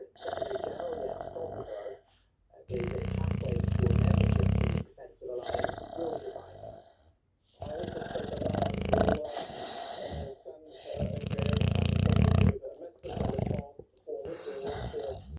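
Deep, rumbling snores on each breath, about seven breaths in fifteen seconds, some rattly and uneven: a sleeping dog snoring.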